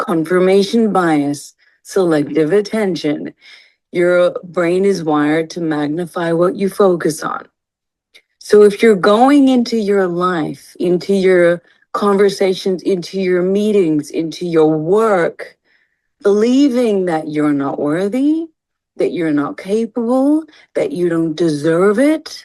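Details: Adult woman speaking; normal speech.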